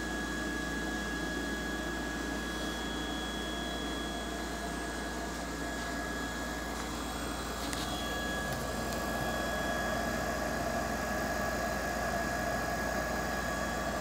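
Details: Harvard Apparatus PHD 2000 dual syringe pump (0.5 µl to 140 ml) running: continuous low motor hum with faint steady whine and fine rapid ticking.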